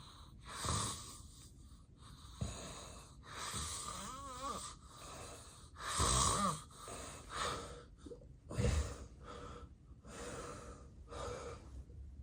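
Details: Real, unacted daytime nap by someone with daytime sleepiness, recorded as snoring with sleep apnea episodes: loud, irregular snoring and heavy breathing broken by quieter gaps; obstructive sleep apnea pauses.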